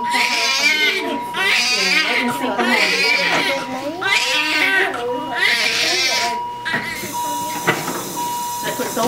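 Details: Repeated loud, strong crying bursts from a newborn boy with a lot of hair, just after delivery and umbilical cord cutting, while being dried off, with a steady monitor tone and room noise; a vigorous normal newborn cry.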